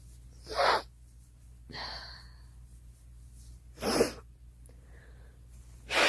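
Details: Girl sneezing: two abrupt sneeze bursts separated by a breathy gasp, with a third starting at the end; steady low hum behind.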